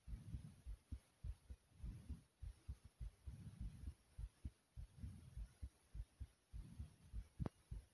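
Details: Fast, thumping heartbeat after jumping in place for a few minutes, done deliberately to make the heart race the way it had before; exercise-induced tachycardia.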